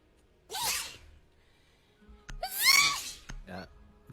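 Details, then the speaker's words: Two loud, hissing sneezes from an adult streamer, the second longer and harsher, likened to a semi truck's air brake release, followed by a brief vocal sound; sneezing. "the first one was normal. The second one did not sound normal. No, you know what it sounds like? Like the air brake release. The air brake release on a semi truck."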